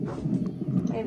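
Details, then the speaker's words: Brief, rapid, muffled galloping whooshes of a fetal heartbeat heard through a Doppler monitor. "baby's heartbeat. That sound?"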